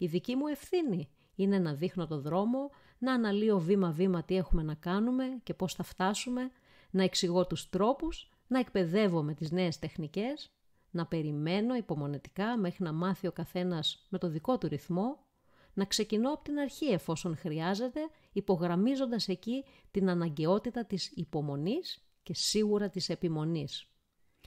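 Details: Adult woman speaking Greek; Normal speech.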